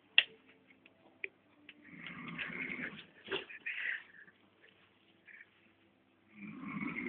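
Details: Father snoring in his sleep: rough, rattling breath noises with quiet gaps between them, muffled and distant.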